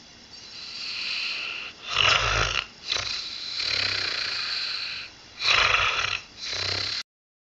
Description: Pip is an 8 year old springer spaniel. She has a nasal tumour and is currently undergoing radiotherapy at the University of Liverpool.